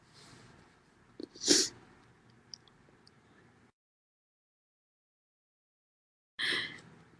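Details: Two sharp, loud sneezes from a female, quick inward breath before the first, gap of silence between; ordinary sneezing.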